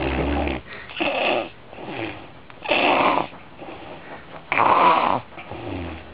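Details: Loud rattling snores repeating about every two seconds, rough noise on each breath in and a softer sound on each breath out; heavy snoring.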